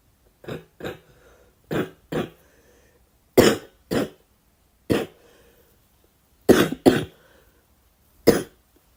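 Ten short dry coughs in single and paired bursts over about nine seconds from a girl; a repeated cough.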